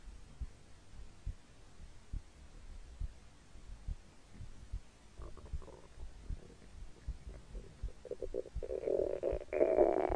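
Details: Hungry stomach growling recorded over three minutes and seven seconds: low churning and bubbling from the belly, building to a longer rising growl at the end; ordinary hunger borborygmi.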